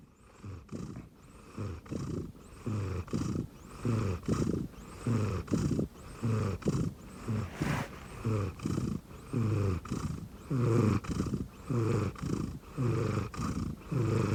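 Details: Steady low fluttering snores on each breath, about 26 breaths per minute, some louder and rougher, from a sleeping rescue cat resting on an arm pillow under a futon.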